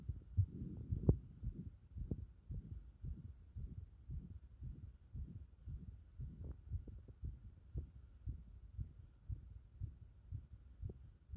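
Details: Heart sounds recorded while the chest is repeatedly pressed in: low muffled heartbeat thumps at roughly 115 a minute, uneven, mixed with rubbing and pressing noise.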